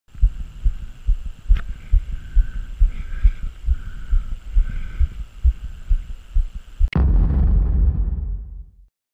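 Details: Heartbeat picked up by a GoPro camera's microphone: steady, regular low thumps of a normal heartbeat, ending with a sudden bang and brief rumbling handling noise.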